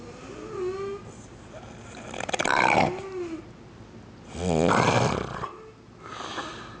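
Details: Loud rattling snores with each breath, about two every few seconds, with softer whistling noises between them; snoring at night.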